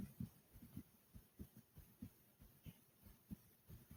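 Quick, soft low thumps at roughly 90 to 95 a minute with faint breath noise; a fast heartbeat and hard breathing after exertion.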